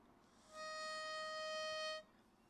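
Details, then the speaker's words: Demonstration of a spacer used with a pressurized metered-dose inhaler, breathing in and out through the mouth: a steady high whistle of about 1.5 seconds, the spacer's warning that the in-breath is too fast; flow-warning whistle. "If you're breathing in too hard, this will start whistling and you need to really slow down your inspiratory rate."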